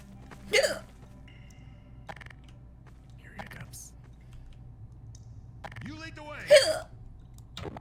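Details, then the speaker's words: Streamer with hiccups during a game: two abrupt, brief vocal catches about six seconds apart over quiet game sounds and faint talk. "no. I think these are the hiccups that don't go away. Oh no."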